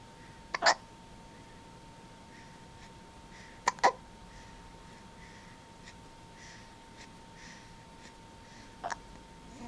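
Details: Hiccups in a sleeping cat: a few short, sharp hiccup jerks, some doubled, at irregular intervals in a quiet room with a steady hum.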